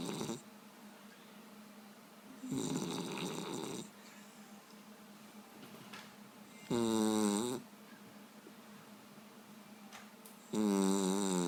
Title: Dog snoring like a wet fart!